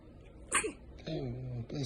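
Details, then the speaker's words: A ten-day-old baby girl, held by her father and also having hiccups, gives a single tiny, high sneeze, followed by an adult voice saying "bless you"; a normal newborn sneeze. "bless you. Sneezy. Good. Sneezy. You just sneezed."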